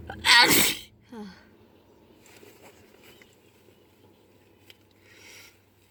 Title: sneezes without me knowing lol